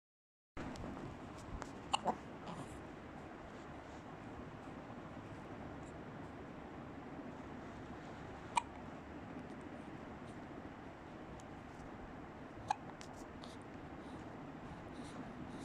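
Three or four short, sharp clicking hiccups at irregular intervals against steady background noise; hiccups.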